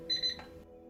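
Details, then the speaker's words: Brief high-pitched electronic alarm beeps from a high-flow nasal oxygen device, as triggered for example by a disconnected temperature cable. "the alarm menu is located on the left side of the device for example if the temperature cable gets disconnected it will trigger an alarm and the red LED indicator will display the alarm message"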